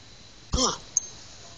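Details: Hiccups that began during a chiropractic adjustment of the TMJ (jaw joint): a single abrupt voiced hiccup followed by a short click, against quiet room noise.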